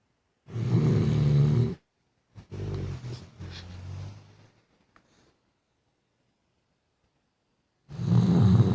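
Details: A sleeping dog who often snored loudly: loud, deep, rumbling snores with a rough, fluttering quality, separated by quieter breaths and pauses.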